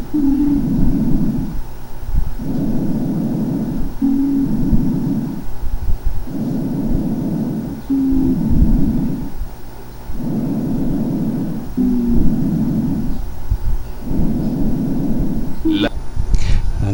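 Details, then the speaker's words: Chest auscultation: repeated hollow, low-pitched blowing breath sounds with a jar-like ring; amphoric breath sounds. "lógicamente se parece mucho a este soplón fólico de pacientes con tuberculosis en etapa de resolución que ya no tiene abscesos ya las cavernas están huecas"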